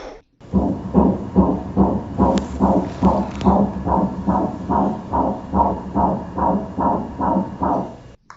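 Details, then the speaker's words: Fetal heartbeat of a fifth child: rapid, regular whooshing pulses at about 140 beats a minute. "but the best thing that I have heard recently was the heartbeat of our 5th child."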